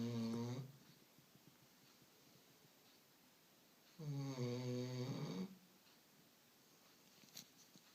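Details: Pet dog snoring: two long, droning snores about four seconds apart, each a buzzing tone on the in-breath, with quiet pauses between.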